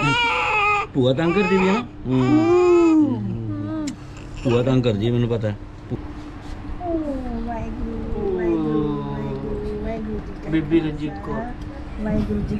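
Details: Strong, high-pitched, rhythmic crying with wavering wails from a newborn after a normal delivery, with adults audible in the background; normal newborn cry.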